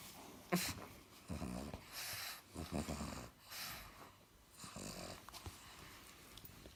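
Irregular snorting, rattling snores with grunts on each breath from a sleeping flat-faced dog.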